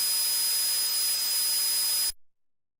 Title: What does tinnitus sound like? (tinnitus noises) #Shorts